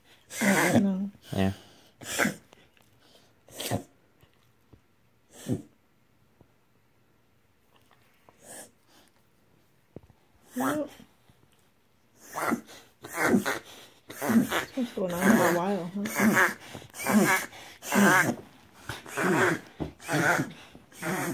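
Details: Whippet dog reverse sneezing, confirmed by a veterinarian: rapid, repeated honking snorts drawn inward through the nose; harmless.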